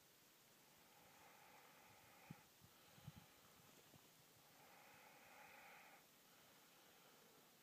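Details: Man napping outdoors in the wilderness beside his bike, camelback as pillow and glove as sleep mask: soft, airy snoring breaths about every three and a half seconds over steady outdoor hiss.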